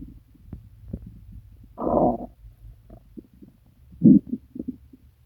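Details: Active stomach rumbling (borborygmi) during an upset stomach with several days of pain, diarrhea and nausea: gurgling and bubbling bowel noises, one longer deep growl and scattered short rumbles.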